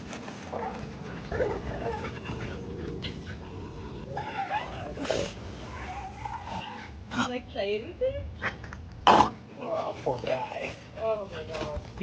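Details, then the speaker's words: Rescue foster dog with constant noisy, rasping labored breathing broken by snorts and short whines; wheezes and coughs, can't play more than about 30 seconds. "You can hear how hard it is for him to breathe. He can't even play for more than like 30 seconds at a time because he's like wheezing and coughing."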